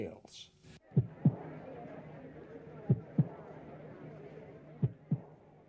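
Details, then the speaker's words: Simulated reconstruction of Hitler's heartbeat: slow, paired beats over a low hum, an abnormal rhythm attributed to syphilitic heart disease with aortic aneurysm, aortic valve regurgitation and an altered second heart sound. "így hangzott hitler szívverése sajátos rendellenes dobogás amely szifiliszes szívbetegséget jelez"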